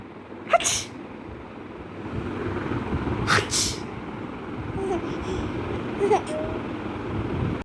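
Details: A child sneezing: two sharp sneezes a few seconds apart, then a softer third burst, with traffic noise behind; ordinary sneezing.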